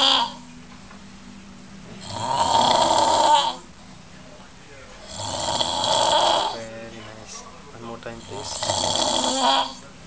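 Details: Man sleeping in a shared room in Al Quoz, Dubai, heavy snoring: loud, rough snores on each breath in, about three in ten seconds, with quiet pauses between.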